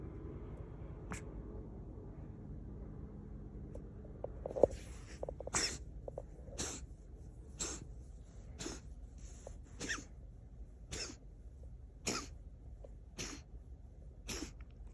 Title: Cat hair ball cough